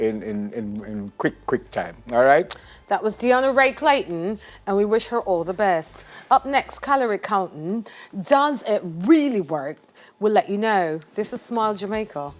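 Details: Adult woman speaking (presenter); ordinary speech.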